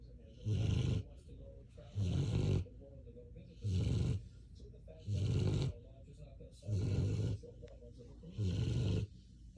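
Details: Male dog sleeping on the floor while medicated after surgery: six deep, rumbling snores at a steady pace of about 39 a minute, with quiet gaps between; loud snoring.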